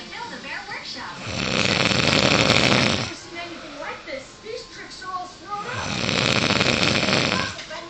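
Two long, loud rattling snores on inhaled breaths about four seconds apart, with faint voice-like sounds between them; snoring.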